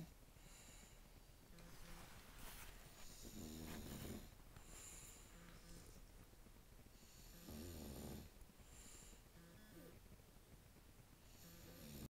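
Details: Two bulldogs, 7-year-old Cosmo and 3-month-old Bella, sleeping on the couch: rough, rattling snores at about 13 per minute with soft background music; bulldog snoring.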